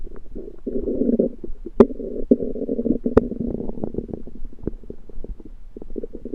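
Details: Belly sounds that began suddenly after eating a home-cooked meal the person thinks was undercooked: continuous loud gurgling and rumbling with brief pops and squeaks. Active bowel sounds (borborygmi).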